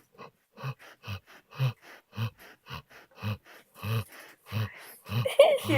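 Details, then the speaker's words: Female dog sleeping with her tongue stuck out, snoring loudly: rapid, regular low rattling snorts with softer sounds between them. "Mason. She snores so loud. Roxy."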